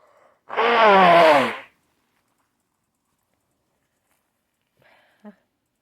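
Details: Single loud, voiced adult sneeze, a drawn-out 'ah' into a sharp burst, then near silence and a faint brief sound; part of repeated sneezes and nose-blows.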